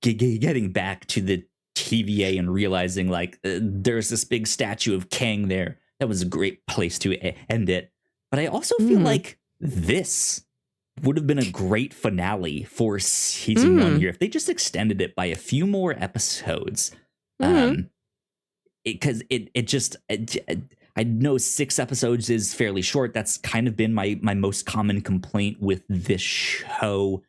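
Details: Self-reported stuttering in a male podcast host.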